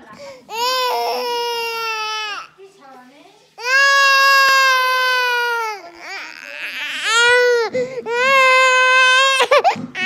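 Loud, high-pitched wailing cries of about two seconds each, separated by short gasping breaths; ordinary infant crying.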